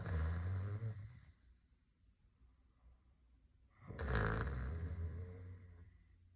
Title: Snoring loud & clear like a real tiered mom